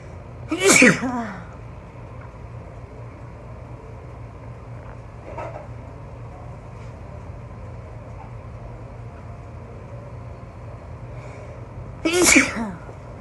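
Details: Two sharp, partly held-back sneezes about eleven seconds apart over a steady room hum: stifled sneezing.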